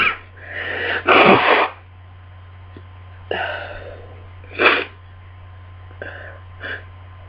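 A run of about five sneezes, loud at first then smaller, with a steady hum behind; repeated sneezing during a head cold.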